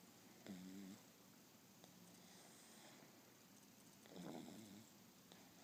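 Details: Male being petted while trying to sleep, snoring: two soft, low, buzzing sleep breaths a few seconds apart over quiet room noise.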